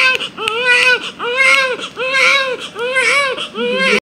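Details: Newborn baby boy just after birth, his first cry: strong, rhythmic wailing cries each under a second; a vigorous newborn cry.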